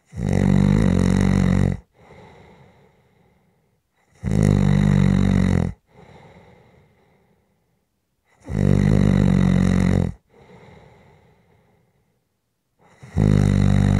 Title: SNORING For Rest Relaxation Sleep and White Noise